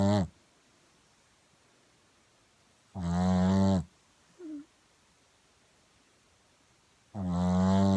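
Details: Shih Tzu dog in deep sleep: loud, low, rumbling snores roughly every four seconds with quiet pauses and a small squeak in one gap; snoring.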